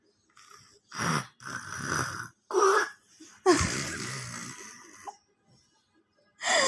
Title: Baba snoring # baby # 🤣 funny #shortvideo